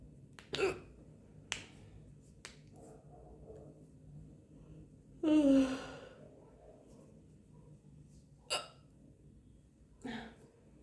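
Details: Woman hiccuping after lunch: several sharp, sudden catches of breath with quiet gaps between; hiccups.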